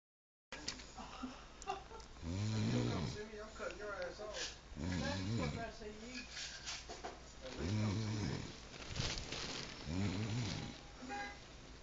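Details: Loud, rattling snores on each in-breath, about four or five at a slow sleeping breath rate, from a sleeping mother; snoring.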